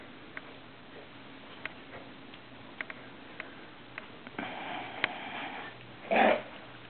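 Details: Smooth collie eating dry kibble: crunching, then a noisy, whistling breath. Wheezing during the meal, most obvious in the last few seconds.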